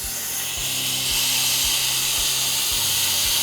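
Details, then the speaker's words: Bevelling occlusal preparations on upper teeth #14 and #15 of a 52-year-old patient with a football-shaped diamond bur: steady high-pitched hissing whine of a high-speed dental handpiece, with a low rhythmic hum underneath. "generally use a diamond bur to place my bevels onto my restoration to my preparations and i usually use either a fluted diamond or in this case i'm using a football shaped diamond just because it's going to allow me better access to the preparation"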